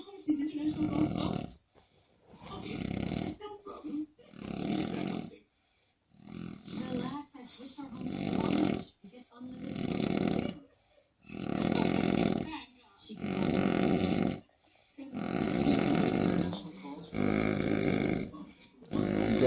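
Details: Heavy snoring from a sleeping man: loud, rough, rattling snores in repeated bursts with short pauses between breaths.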